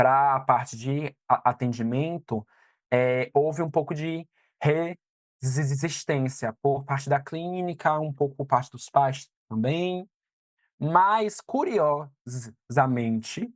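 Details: 22-year-old man who stutters; stuttering.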